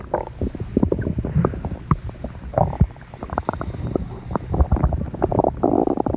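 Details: Irregular gurgling and low rumbling from the belly: stomach growling (borborygmi).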